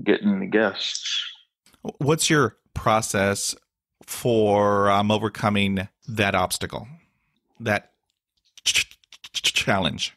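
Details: Adult man with stuttering he calls a daily struggle, with blocks and facial tics despite years of speech therapy; word repetitions and interjections heard; stuttering.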